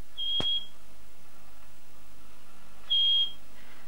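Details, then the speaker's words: Home kidney dialysis machine, pre-dialysis safety alarm testing by a patient (about 43 kg) on home dialysis: two high-pitched electronic beeps about two and a half seconds apart. "the machine has a number of safety alarms which will sound if something goes wrong during dialysis all these must be tested"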